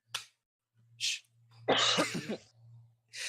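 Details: Cough from a podcast host talking about getting high: a short harsh cough burst between breathy puffs, with a steady low hum in the background.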